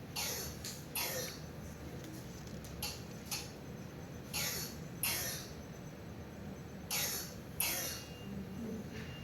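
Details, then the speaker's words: Barking cough of croup (laryngotracheitis), in which laryngeal swelling obstructs the airway, played as a teaching example alongside dysphonia and stridor: repeated harsh, seal-like barking coughs in pairs. "tos perruna y estridor miren lo que sería una tos perruna"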